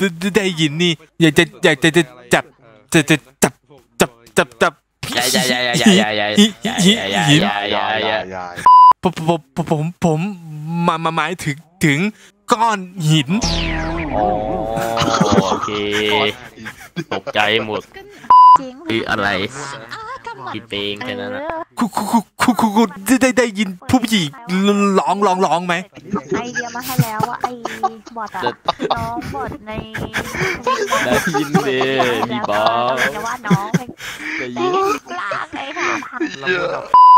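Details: Imitated stuttering: a male player deliberately fakes a stutter as a prank while chatting in VRChat; this is not a real disorder.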